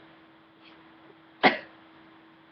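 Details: Sneezing: a faint intake, then one sharp, explosive burst, a single sneeze in a quiet room with a steady hum.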